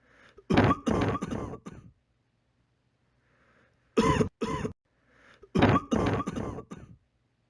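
Three bouts of harsh coughing from an adult, each with several quick forceful bursts, separated by quiet pauses.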